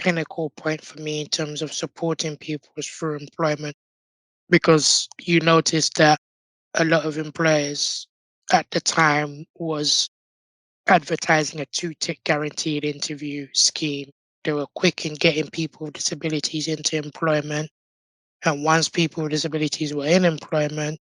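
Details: Altered voice with long-term tracheostomy in an adult man born six months premature with undeveloped airways. He had emergency surgery at birth to place a tracheal tube and spent two years in an incubator; prematurity heavily impacted his vocal cords.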